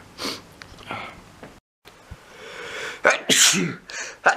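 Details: Adult takes a quick intake of breath, then gives a sharp, loud sneeze with a short follow-up sound; sneeze.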